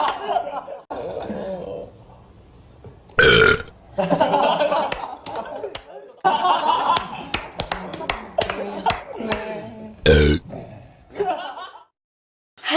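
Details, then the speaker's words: Deliberate burping in a burping challenge: two loud, deep belches amid excited talk and laughter. "Gördüğünüz gibi şimdi geğirme challenge'ımı yapacağım."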